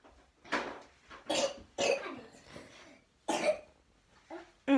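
A young child gives several loose, wet coughs with a rattly, congested quality, typical of a productive cough with chest congestion.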